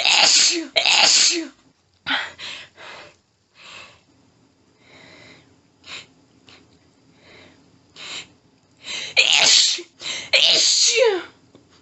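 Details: A woman's intense sneezing fit after her nose was tickly all day: a run of strong sneezes in quick succession, with failed stifle attempts and quick panting breaths between.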